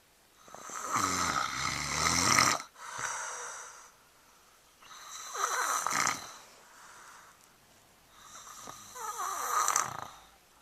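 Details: A sleeping person, recorded with a Flip Video camera, gives three loud, harsh, rattling snores about every three to four seconds, with quiet pauses between: snoring.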